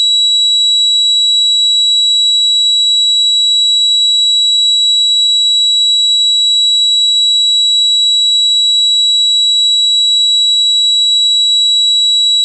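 Steady, piercing high-pitched ringing tone held without change, a simulation of tinnitus.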